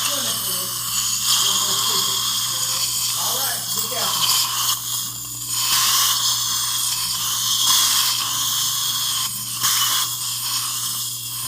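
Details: Steady, high dental drill whine rising and falling in pitch, with a low mains hum and faint room sounds: drilling to place upper mini implants for an overdenture in a female longtime denture wearer.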